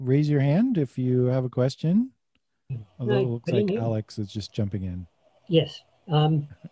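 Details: Adult male speakers; ordinary speech.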